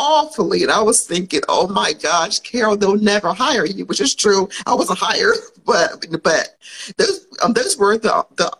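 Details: Stuttering in an adult woman who grew up with a stutter and still has it, though many people would not notice; speaking on a live podcast recording.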